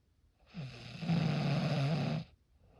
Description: Snoring sound effect. Raw snoring sound